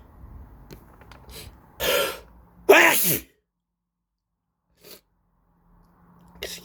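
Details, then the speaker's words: Person with a cold giving two explosive sneezes in close succession, then quiet, saying "excuse me, I'm gonna sneeze again"; sneezing. "me. Excuse me. I'm gonna sneeze again. Gosh."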